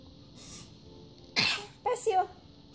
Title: Sneezing and Shaking Head